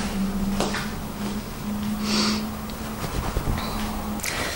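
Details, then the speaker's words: Rough, snorting breath noises over a steady room hum from a female pet dog snoring while resting nearby; the owner remarks she is snoring; ordinary snoring. "Oh, je suis désolée, il y a la chienne qui est en train de ronfler, on l'entend. Lola, Lola, chut, tu ronfles ma fée."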